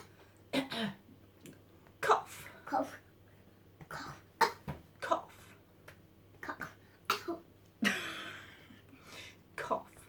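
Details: Cough.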